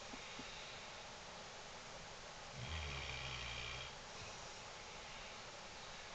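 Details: Snoring in a female Mastiff: one long, low, rumbling snore over steady background hiss.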